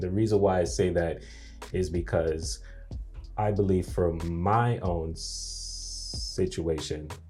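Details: Adult man whose stuttering began after a nightmare at age three; audible word repetitions; stuttering.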